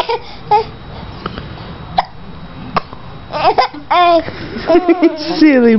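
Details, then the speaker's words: 5-month-old infant with hiccups: several sudden hiccup catches mixed with giggles and babbling, adult voice nearby. "Silly butt. You got too many things going on. The hiccups, the cries. The laughs."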